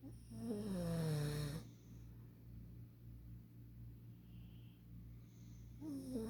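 Low rattling snore on the in-breath, a quiet pause, then the next snore begins; snoring.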